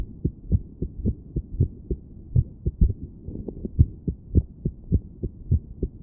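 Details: Woman listening to her own heart with a stethoscope while sitting on her bed, trying to breathe slowly and relax: low thumps with some beats crowding together and others pausing longer, an irregular heartbeat.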